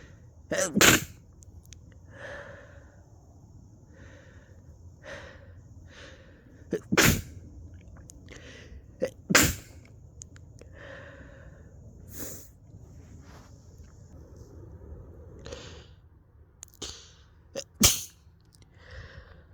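Five sharp explosive sneezes, irregularly spaced, with quieter sniffs and breaths between them in a quiet room.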